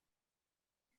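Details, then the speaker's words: Simple vocal tic in an adult with Tourette syndrome, recorded during a live webinar: a single short, low throat-clearing grunt in silence, which the speaker then identifies as a tic. "That's the wrong information Paul, cancel, sorry that were a tic."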